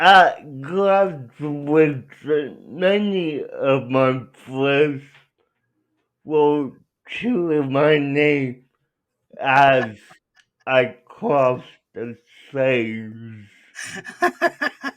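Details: Adult male speaker; dysarthria (cerebral palsy).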